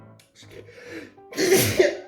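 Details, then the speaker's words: A sharp inward catch then a loud explosive sneeze over background music, part of a sneezing fit after eating grilled hot chili peppers. "Excuse me. Oh my god, there it's making me sneeze."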